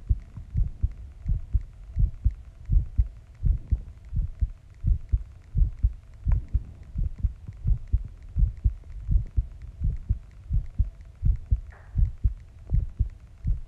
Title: #ASMR #heartbeat 07 After shower シャワー後